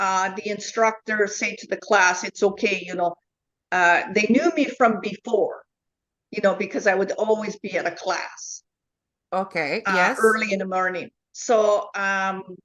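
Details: Woman with foreign accent syndrome since a neurological event in July 2010, a self-described 'flipper' with shifting accents, plus aphasia, apraxia and comprehension difficulties: foreign accent syndrome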